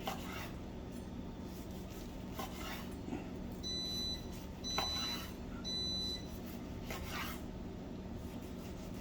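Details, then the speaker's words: Three brief, steady high beeps about a second apart over kitchen noise: implanted pacemaker alert tones sounding while cooking. "That's my pacemaker. Ignore that."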